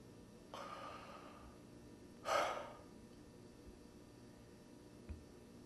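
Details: Agonal breathing in the terminal (agony) stage of dying: isolated, abrupt gasping breaths separated by long pauses.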